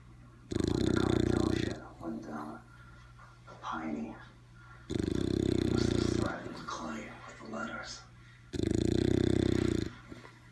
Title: Bailey the Bulldog snoring